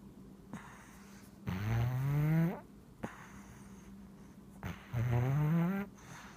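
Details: Male Siamese cat, a very deep sleeper, snoring: two loud, low rattling snores on breathing in, about a second each, separated by quiet pauses in a still room.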